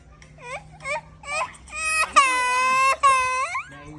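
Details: Infant crying in short rising bursts that build into long, sustained high-pitched wails.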